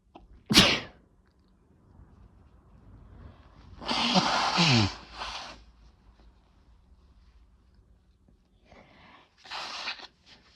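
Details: A sharp sneeze, then a longer drawn-out voiced sneeze, and a softer sneeze near the end, in a quiet room.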